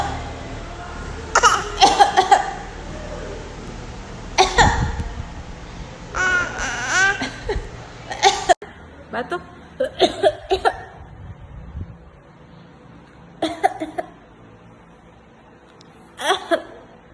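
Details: 7-month-old baby imitating a cough on request: several short, breathy, deliberate cough-like bursts mixed with babbling and giggles; voluntary fake cough.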